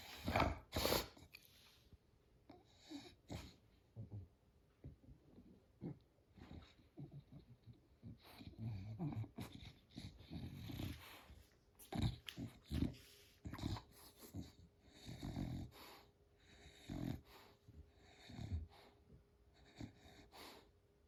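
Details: American Micro Bully dog having a reverse sneezing episode, first mistaken for a seizure: repeated rapid, snorting inward breaths in bursts while she lies rolled over for a belly massage.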